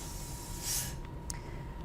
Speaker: with the suction device turned on a 20-second flush of water from the syringe should be directed into the hve suction tip in addition the assistant should practice an air water spray into the hve suction tip